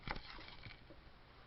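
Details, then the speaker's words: Normal resonant percussion note over the posterior chest, taps compared side to side with no dullness, a couple of soft hollow finger taps during a nursing physical assessment demonstration. "side to side there's no dullness it sounds good"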